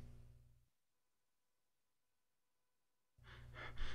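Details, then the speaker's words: Cheyne-Stokes breathing pattern presented as a teaching example: gradual increase then gradual decrease, with breath sounds fading out, stopping for a few seconds, then returning and building in loudness. "pattern is gradual increase followed by gradual decrease and here's how it sounds"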